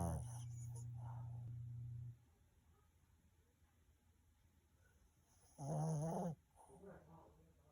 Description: Dog is totally out after eating a big meal. #dogs #snoring #sleeping